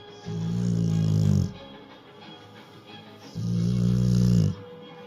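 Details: Female Rottweiler asleep to opera music: two long, deep, rumbling snores about three seconds apart, with opera playing in the background.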